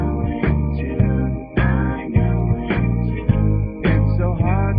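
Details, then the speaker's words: Simulated hearing loss with tinnitus, applied to rock music: muffled music missing its crisp highs, with a constant high-pitched whistle running underneath throughout. "Tinus makes the effect of hearing damage even worse because you not only miss out on sounds but you have to listen to this constant whistling that won't go away"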